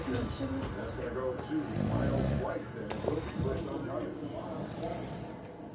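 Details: Adult man (a father) asleep, snoring: loud, rough, rumbling snores with irregular fluttering and snorting sounds, with some room noise in the background.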